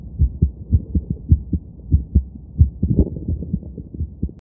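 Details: Quickened heartbeat after some exercise: fast, regular paired heart thumps at around 100 beats per minute.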